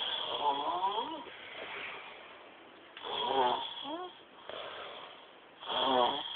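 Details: Sleeping person dubbed "Mr. Snore", told to turn over because of the snoring: repeated rough, rasping snores with whistling rises at about 20 a minute.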